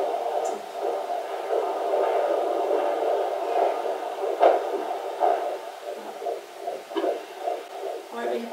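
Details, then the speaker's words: Pregnant woman, second trimester, Doppler: rapid whooshing fetal heartbeat about 150–160 per minute, judged fine, with occasional soft plops from baby movements; normal fetal heartbeat. "Het klinkt goed hoor klinkt hartstikke goed zeker Ja hoor 150 160 SL paar minuutjes helemaal prima"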